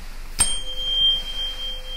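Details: A sharp strike, then a steady pure ringing tone that slowly fades: a tuning fork sounded for a Weber hearing test in an acted ear-exam role-play. The patient has external ear infection and pain, no middle ear infection, and hears it equally on both sides.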